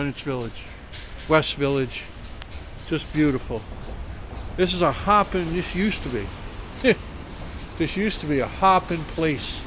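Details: Adult man speaking outdoors; normal voice.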